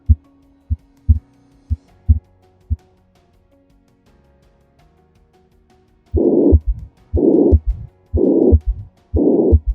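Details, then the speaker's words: Simulated VR auscultation of a man with classic mitral regurgitation after childhood rheumatic fever: high-frequency blowing pansystolic murmur radiating to the axilla, heart rate about 60 a minute. "the murmur is high in frequency primarily because blood is flowing from the high pressure left ventricle to the low pressure left atrium"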